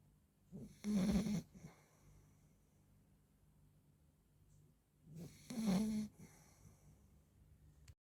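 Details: 40-day-old Labrador puppy napping; two rattling snoring breaths about four to five seconds apart in a quiet room; snoring in a napping puppy.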